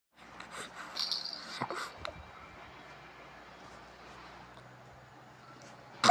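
A baby's short, sharp sneeze bursts out against quiet room noise, a normal reflex clearing the nose.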